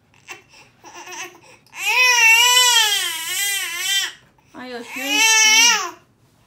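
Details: Infant girl crying while a child reads her a book, possibly attention-seeking as she stopped once reading began: a few soft fussing sounds, then two long, wavering, high-pitched wails; ordinary infant crying.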